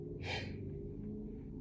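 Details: Sneezing repeatedly, unable to stop, while sitting: one sharp, hissing sneeze burst over a steady musical drone in the background.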